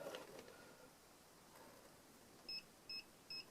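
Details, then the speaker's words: Three short, evenly spaced electronic beeps after handling noise as a Cleanzone CPAP cleaning machine is switched on, before the chamber is placed on it; start-up beeps of a CPAP cleaner that runs 25 minutes, then shuts off. "the three beeps now i'm going to put the uh chamber on there"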